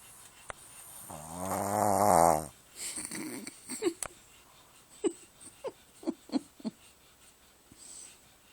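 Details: Sleeping dog snoring: a long, rough, buzzing snore on one breath, then softer snuffling breaths.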